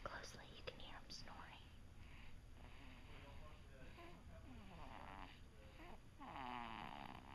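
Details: Child snoring while asleep in a quiet room: soft rough breathing noises with faint whistling.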